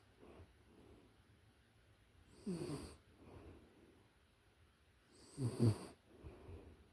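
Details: Two soft snorting snores about three seconds apart, with quiet breathing between, recorded close-up from a puppy in deep sleep; snoring.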